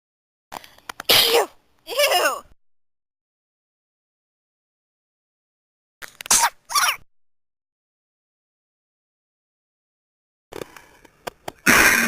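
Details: Three sneezes, one normal, one quick and one slow, each a quick in-breath followed by a sharp explosive burst and separated by silence; sneezing.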